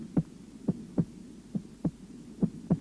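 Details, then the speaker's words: Heart auscultation at the apex: normal heart sounds, the first sound louder than the second, regular crisp lub-dub at about 70 beats a minute with no murmur or extra sounds. "в норме на верхушке первый тон громче второго"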